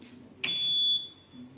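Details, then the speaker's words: A click, then a steady high alarm tone for about half a second from a Tecme Zonda Plus+ ventilator with an adult circuit, just switched on. Pressure is not yet stable; this is not a leak and fades with time: ventilator alarm. "Nah, kalau dia ada bunyi gas seperti ini nggak apa-apa, dia belum stabil."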